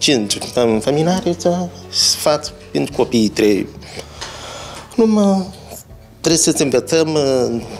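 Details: Parent diagnosed with hearing loss (hypoacusis) who uses hearing aids; speech of a person with hearing loss.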